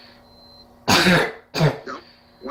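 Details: A woman with habit cough (somatic cough syndrome), since cured, gives two loud, harsh, honking dry coughs in quick succession, followed by brief soft voice.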